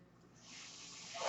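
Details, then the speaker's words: Real recording of a podcaster's own mechanical ventilator audible while he talks: a soft airflow hiss swells and grows louder over about a second as the ventilator delivers a breath. "My name is. That noise you're hearing is my ventilator."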